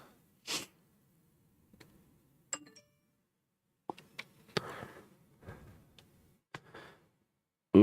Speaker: you guys hear that my shoulder popping nice little shoulder pop